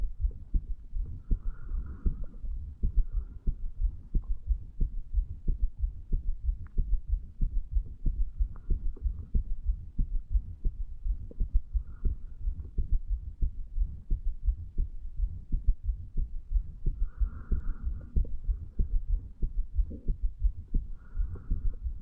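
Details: 35-year-old man lying in bed hours after going to sleep, after alcohol, heart recorded at mitral area: low thumps about 92 a minute, uneven rhythm with occasional skipped beats.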